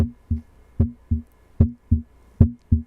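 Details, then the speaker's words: Example of a healthy heart: clear, regular lub-dub heart sounds, the two beats of a healthy heart, at about 75 beats a minute; normal heart sounds. "can hear the ldub ldub it's the two beats of a healthy heart"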